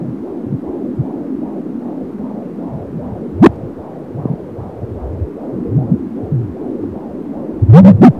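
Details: Fetal heartbeat at 28 weeks of pregnancy on an AngelSounds fetal Doppler: fast, regular whooshing heartbeat with a few loud thumps from fetal kicks.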